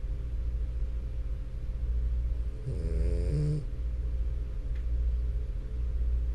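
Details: Flat-faced French Bulldog asleep, with a steady low rumble of noisy sleep breathing and a brief louder snort; snoring.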